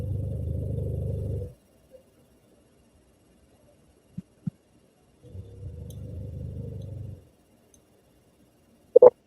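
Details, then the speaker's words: Snoring from a sleeping 100-pound dog: two long, low, rattling snores a few seconds apart, with quiet room clicks between. "If you hear something that sounds like snoring, it is always the dog."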